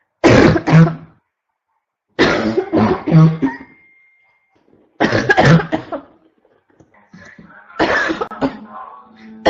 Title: constant barking cough 1 (f)